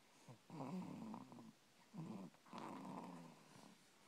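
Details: Rough, rattling snores on repeated breaths, each followed by a short pause, from a sleeping "little man"; snoring during sleep.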